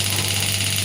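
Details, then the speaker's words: Pneumatic (air-compression) shockwave therapy device demonstrated on the hand at 4 bar: steady, loud mechanical buzzing from the applicator firing in rapid repetition while shots are counted; shockwave applicator firing. "Now I am going to start the sim. I have to press it. You can see I have the applicator, and now I am going to press this. You can see the shot is getting count"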